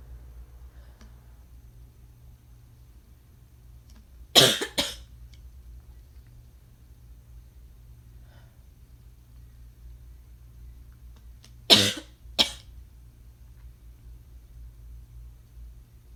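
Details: Dry-sounding coughs: two brief episodes, each a sharp double cough, separated by quiet.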